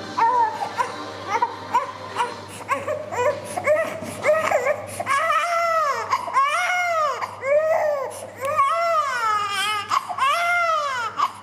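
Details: Frightened infant after suture removal, before ointment is applied: repeated rising and falling wails, building from fussing to loud sustained crying, with low room hum.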